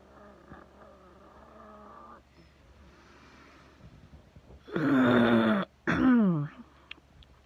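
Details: Adult wheezing: a faint, steady musical whistle during breathing, then two loud, strained, voiced breaths.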